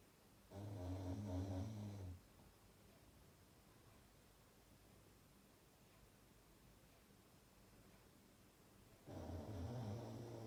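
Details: Sleeping dog: two low, rumbling snores, each about one and a half seconds, separated by a long quiet pause.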